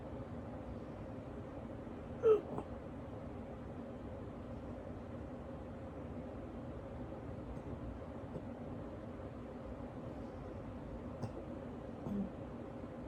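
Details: Person half asleep after waking with an awful case of hiccups, unable to get back to sleep: two short, soft gulping hiccups about ten seconds apart in a quiet room with steady background hum.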